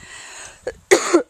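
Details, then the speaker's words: Dog with kennel cough, seen by a vet and on medication: a brief honking hack, a short burst then a harsher double cough; kennel cough. "sweet dog she is feeling a little under the weather she's got some kennel cough but we went to the vet for her Wellness visit"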